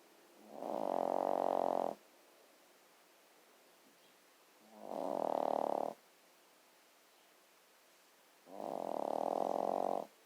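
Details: Sleeping dog snoring: three slow, loud, rasping snores with quiet pauses between them, roughly one every four seconds.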